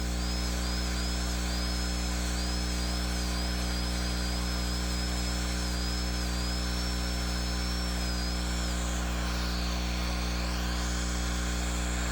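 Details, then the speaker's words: High, wavering dental handpiece whine over low room hum, pitch dipping briefly as the bur meets tooth, removing the sharp gingival bevel angle on the buccal during stainless steel crown preparation of a child's mandibular left second primary molar with gross caries. "Then return to the buccal and, with the burr nearly perpendicular, use the tip to remove the sharp angle at the gingival border of the bevel."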